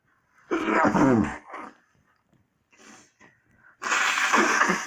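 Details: One person's loud sneeze with a voiced, drawn-out burst, a short pause and quiet sounds, then a second forceful, noisy sneeze; sneeze.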